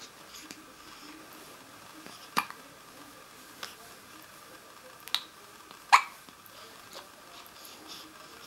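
Several short, sharp gulping catches at irregular intervals in a quiet room; hiccups.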